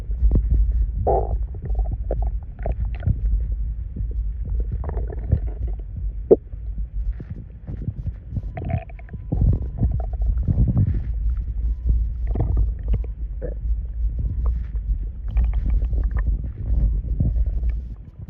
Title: FEMBOYS STOMACH NOISES :3